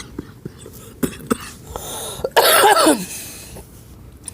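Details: Adult who vapes gives a single harsh, noisy cough burst, preceded by faint clicks and breath sounds.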